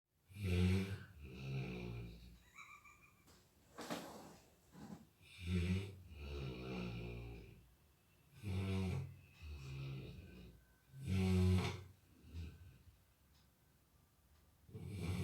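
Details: Labrador dog snoring while asleep: low, rattling snores with snorting inhalations, about five breath cycles in fifteen seconds in a quiet room.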